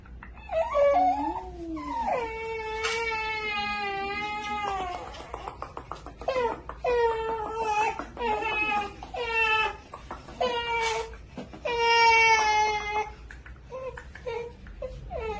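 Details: Baby boy crying after an injection: loud, high wailing in repeated bursts with gasping breaths between.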